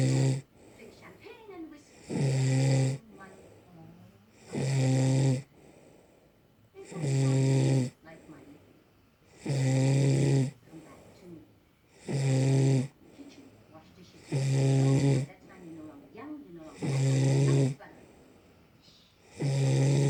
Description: Snoring misses says she dont snore at all!!